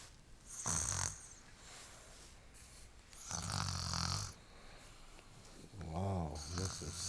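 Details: Snoring: three loud, rattling snores on breathing in over about seven seconds, with quiet breathing between them. Ordinary snoring.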